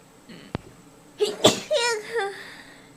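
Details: Single sneeze: a quick inward catch of breath, then one sharp, explosive sneeze with a brief voiced tail, in a quiet room.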